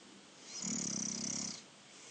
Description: My younger brother snoring! Wednesday 18 December 2019